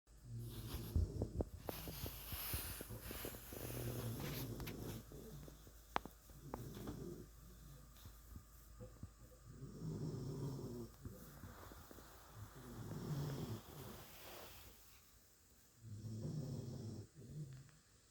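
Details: Hazel snoring during sleep: repeated low, rumbling snores about every three seconds, roughly 20 breaths a minute, with some rustling.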